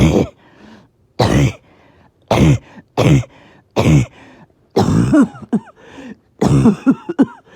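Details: Evening coughing fit that came on suddenly with difficulty breathing after oxygen levels were good all day: seven harsh coughs in about seven seconds, the later ones followed by strained, wheezy gasps between bursts.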